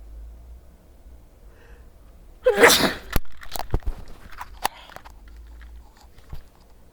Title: Sneezing with headphones